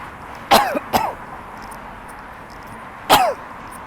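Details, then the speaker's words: Adult coughing outdoors, three short forceful bursts with throat clearing, trying to bring up phlegm from the lungs; person attributes it to lungs exposed to "frequencies"; cough with throat clearing. "that's when if I walk fast enough I try to do it walk so that I can cough up all the stuff that I have that sound it's all from it's all from the lung all of it"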